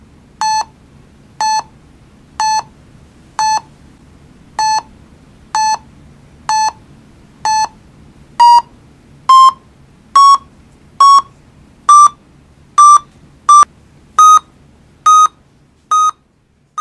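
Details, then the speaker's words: Pulse oximeter monitoring: regular beeps near 68 a minute, tone rising in pitch partway through; the beep pitch tracks oxygen saturation, rising as it recovers. "the audible beep changes pitch with a value of oxygen saturation and is an important safety feature the pitch drops as the saturation Falls and Rises as it recovers"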